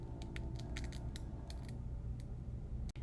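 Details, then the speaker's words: Veterinary technician student demonstrating an ECG monitor: size 4 blood pressure cuff (width 40% of limb circumference) inflating on the monitor; low steady pump hum with faint clicks. "You will hook up the cuff to the ECG, and you can wait until the ECG automatically provides a reading, or you can press the blood pressure button on the ECG, and the cuff will begin to inflate."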